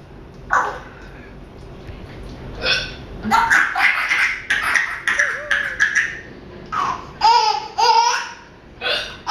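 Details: Baby laughing at mother's hiccups: bursts of laughter with several short, jerky catches mixed in, possibly hiccups.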